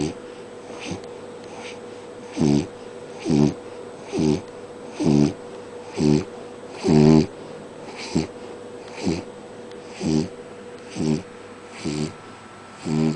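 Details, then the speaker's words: Sleeping dog snoring: short, regular low rumbling snorts about one per second, steady hum in the background; snoring. "Bailey, stop snoring. Puppy? Oi. Excuse me. Excuse me. Can you stop snoring?"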